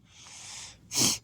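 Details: A brief drawn-in breath followed by one sharp, explosive sneeze from a person sick with COVID-19.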